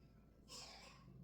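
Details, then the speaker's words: Mother's young son, who has had a cough that worsened today: a bad cough heard at home; cough. "That's a bad cough. I don't like it. He was not coughing like that till today. Like, he had a cough, but it was not that bad."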